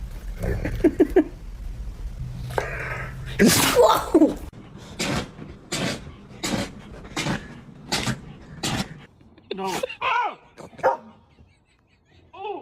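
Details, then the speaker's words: A run of short, sharp sneezes from a dog, repeating about every half second, with people talking and laughing around them; described as a big sneeze. "Oh my goodness, what a big sneeze. Poor little buddy."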